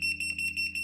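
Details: Home-use picosecond blue laser pen set to frequency 9 (lowest) and intensity one, practice-fired on black paper before facial use; a steady high tone with fast, even beeping pulses.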